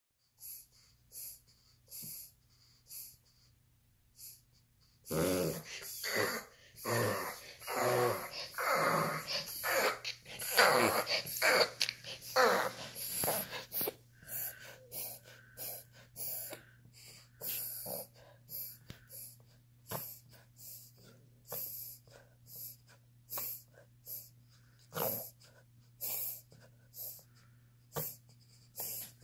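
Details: Dog with a vet-confirmed reverse sneeze: rapid, repeated snorting inhalations in a burst during the episode.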